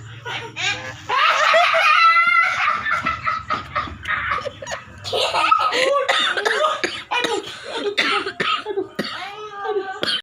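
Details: Bursts of laughter from a man break into short coughs while his children tickle him playfully, with children's voices nearby: cough.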